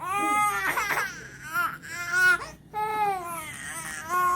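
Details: Twin baby boys crying with repeated high-pitched wailing and brief pauses for breath, upset by their mother's sneezing while she has the flu.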